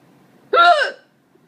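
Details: A single short, abrupt voiced catch in a quiet room from a person with hiccups, with cats nearby: a hiccup.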